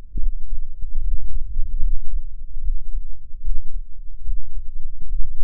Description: Dominating frequency is about 10 Hz, so my heartheat can be heard only in decent headphones, as low thumping.